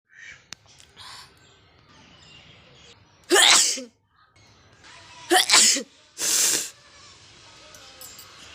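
Three sharp, explosive sneezes, each a loud burst of air from the nose and mouth, deliberately produced, with quiet room noise between them.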